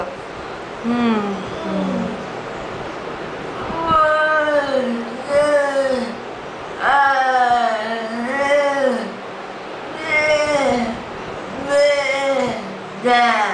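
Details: Patient with amyotrophic lateral sclerosis (ALS) and mixed dysarthria with spastic features, singing Happy Birthday on the therapist's request in a speech therapy session.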